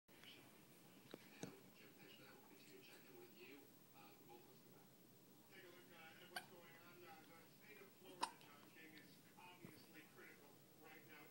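Quiet room with faint murmuring and a few brief, sharp hiccup sounds at irregular intervals.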